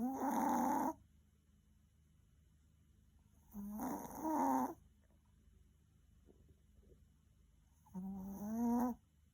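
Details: Maltese dog, very tired after many walks, snoring loudly with rattling, slightly whistling snores about every four seconds, around 14 a minute, with silence between: snoring.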